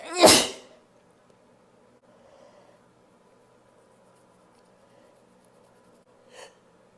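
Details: One loud, unstifled sneeze with a sharp explosive burst, then quiet room noise and a faint second sound near the end.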